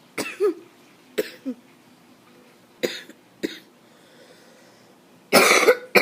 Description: coughing fit from allergies.